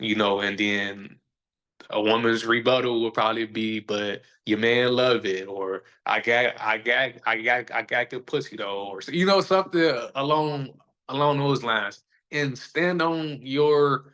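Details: Adult man who says he stutters and that everybody sees or hears it; stuttering.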